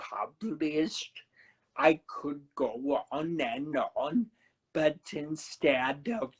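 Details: Adult man who had a cerebellar stroke at 35 in September 2013, could not talk at first, has a paralyzed vocal cord (permanent laryngitis-like) and aphasia; finding: dysarthria with dysphonia after stroke.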